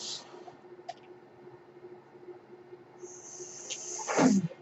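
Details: Mechanical ventilator sound heard during a podcast recording, which the user identifies as their own ventilator: a brief airy hiss, then a long steady high hiss ending in a louder puff, over faint room hum.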